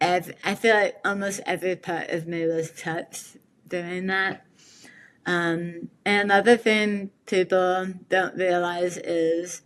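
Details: Articulation impairment after partial glossectomy in an adult woman with metastatic tongue squamous cell carcinoma; 70% of tongue removed in 12-hour surgery with reconstruction, then radiation and chemotherapy; speech relearned with speech therapy.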